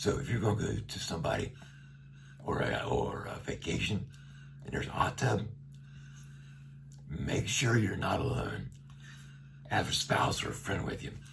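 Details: Adult man with a tracheostomy for about a year after neck cancer, speaking through a one-way speaking valve; radiation brought his vocal cords very close together; voice he calls gravelly and not loud. Finding: dysphonia with tracheostomy speaking valve.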